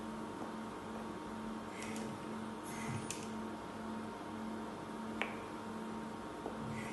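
Steady low mechanical hum with a pulsing tone, soft clicks and brief airy hisses in a quiet room: an ICU ventilator running.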